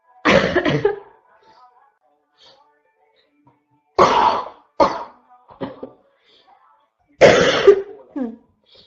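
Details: Constant barking cough, labelled "4 (f)": three bouts of harsh, forceful coughs, two or three each, separated by quiet pauses.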